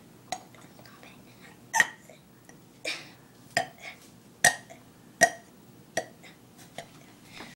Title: Burping on YouTube